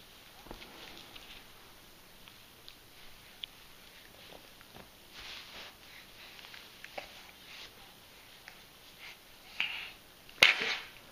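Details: Dog: quiet room with faint clicks and snuffles, then a single sudden, sharp, hissing sneeze near the end.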